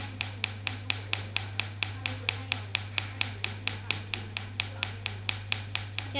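Rapid, evenly spaced sharp snapping clicks, about 130 a minute, over a steady low hum. Laser pulses firing during a carbon peel.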